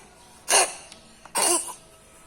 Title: Cats sleep well, wake up coughing